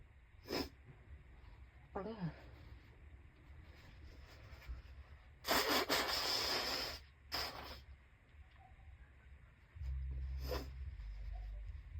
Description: These sneezes were so tickly; my eyes were watering by the end of the video.